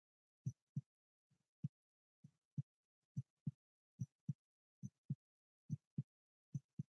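Steady paired lub-dub thumps at about 70 beats a minute in a quiet room, with no extra sounds between beats: a normal heartbeat.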